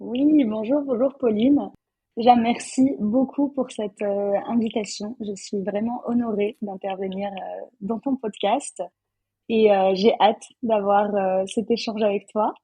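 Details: Adult woman speaking French; normal voice.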